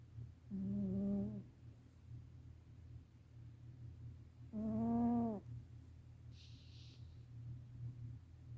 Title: Black Cat Snoring Loudly